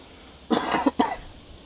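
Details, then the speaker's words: Two harsh, rattly coughs in quick succession from an adult man in a quiet room, who calls it the worst, rattly cough that is still troubling him: cough. "There's that cough. Did you hear that cough? It is the worst cough ever. So rattly, it's still killing me."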